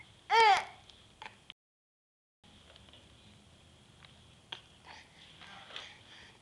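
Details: Infant girl's sneeze: one brief, sharp, high-pitched burst, then the little funny sound she always makes afterwards, soft squeaks and murmurs in a quiet room.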